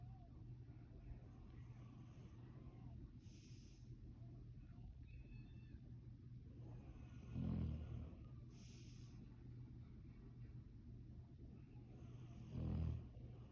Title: He’s snoring